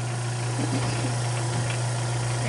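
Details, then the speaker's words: Tracheostomy suctioning demonstration: suction turned on and checked for proper function by suctioning a small amount of sterile saline from the basin, giving a steady low motor hum with faint gurgling. "next you should turn on the suction and verify that the equipment is functioning properly by suctioning a small amount of sterile saline from the basin will turn it on"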